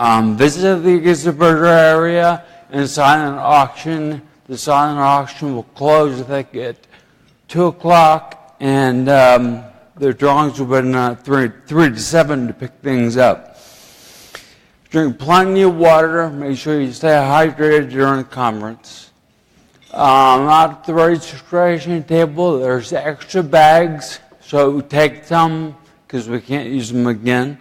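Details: Adult man with ataxia, who himself says slurring and poor speech are due to his ataxia; finding: ataxic dysarthria.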